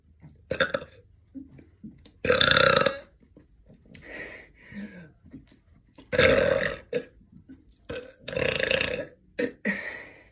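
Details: Deliberate air-swallowing belches during an attempt to burp continuously for one minute: a rapid, irregular series of about eight loud burps in ten seconds.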